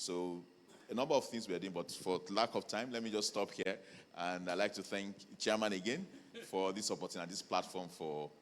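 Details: Adult male speaker; normal voice.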